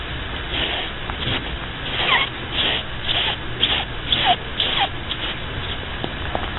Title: Snoring Bunny